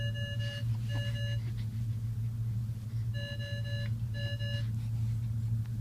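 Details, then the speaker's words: Monitor alarm beeping in hospital room of a baby boy monitored overnight for his breathing: repeated paired electronic beeps over a steady low room hum, left sounding unanswered. "The nurse doesn't want to come and stop that beeping."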